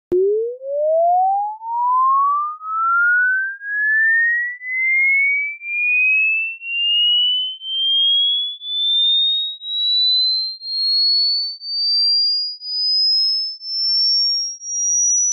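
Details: Hearing test sweep: a pure whistle-like tone rising steadily from low to very high pitch, for checking the range of audible pitches.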